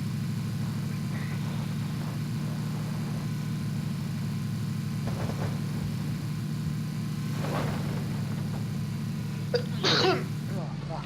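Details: Steady low engine-like hum with faint breaths, then a sudden sharp intake and explosive burst near the end: a single sneeze.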